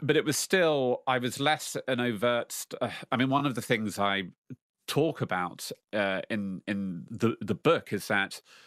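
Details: Lifelong stuttering in an adult man who now faces his fear of it in public; stuttering.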